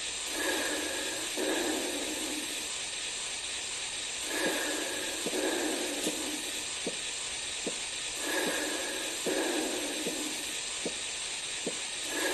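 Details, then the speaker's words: Manual blood pressure measurement: a steady hiss as air is released from the cuff, with faint regular Korotkoff taps. The first heartbeat heard marks systolic pressure and the last marks diastolic pressure. "again the first heartbeat will be your systolic pressure and the last heartbeat will be the diastolic pressure"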